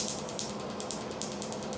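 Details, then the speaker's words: Q-switched laser tattoo removal, patient's first session after local anaesthetic injection, firing at 10 pulses per second: rapid sharp snapping clicks about ten a second as the tattoo ink is pulverized. "so you can see this is a 10 pulses per second rate so it's very quick and efficient it's just basically pulverizing that tattooing"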